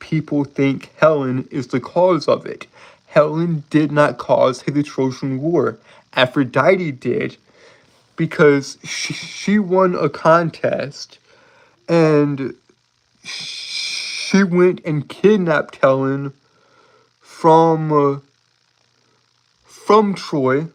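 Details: Man with a self-reported speech impediment of unspecified type; speech disfluency.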